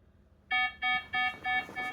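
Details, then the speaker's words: Pulse oximetry monitor low heart rate alarm in a woman with 22q11.2 deletion during a seizure and dystonic storm: five repeated high electronic tones in a quiet room as the heart rate drops. "and seizure 654. That is heart rate dropping."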